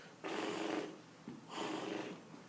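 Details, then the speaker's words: Training demonstration on a mannequin of bag valve mask ventilation during compressions and ventilations. Two hissing, sputtering bursts of air escape around the mask on squeezes because of a poor mask seal: an air leak. "if this is it sounds like a a lot like someone and gas uh if it has a bad seal or you know cuz the patient's face is probably wet anyway if you don't get a good seal so it"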